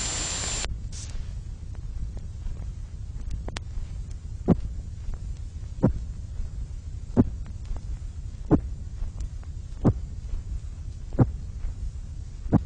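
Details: Simulated tinnitus made on an electronic music synthesizer, from 1970s RNID London research; it represents patients with moderate to very loud tinnitus. A brief high hiss is followed by a steady low hum with regular clicks about 45 a minute.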